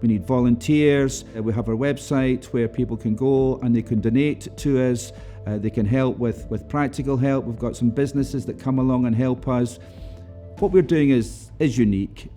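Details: Adult male speaker; normal speech.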